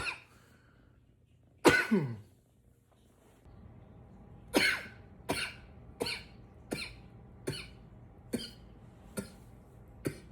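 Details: Strong cough followed by a run of about eight short, dry coughs under a second apart; repeated coughing.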